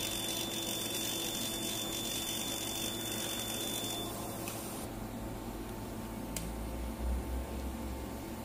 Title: High-Quality fractional co2 laser machine Installation test video MSLCF15